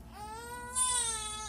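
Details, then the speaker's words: Two-month-old baby, recently immunized and still feverish, weighing 3.7 kg, gives a thin, rising cry while being cleaned and dressed because of disliking the armpits getting wet; ordinary infant crying. "Umiiyak siya kasi ayaw niyang mabasa yung kili-kili and"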